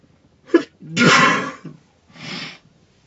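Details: Girl having a sneezing fit in a car, played in slow motion: a quick breath in, then two sharp, explosive sneezes, the second softer; sneezing.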